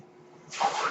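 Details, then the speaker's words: The speaker's own mechanical ventilator during podcast speech: near silence, then a sudden soft rushing hiss of air as the ventilator delivers a breath. "hello everyone my name is that noise hearing is by ventilator and welcome to page turners they were not my Star Wars finders"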